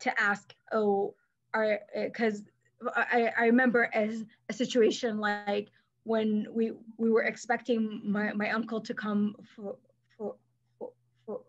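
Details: Adult woman who stutters and is a speech-language pathologist, with silent blocks when younger and later fillers, and past covert stuttering periods; here part-word and whole-word repetitions, showing stuttering.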